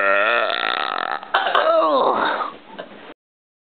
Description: kid in glasses burps